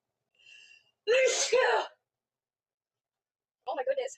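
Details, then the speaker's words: Two forceful sneezes back to back after a sharp intake of breath, then a brief vocal sound, from a woman in a sneezing fit; she says it is her fourth in a row. "You heard that? >> Yeah. >> It's my fourth one in a row."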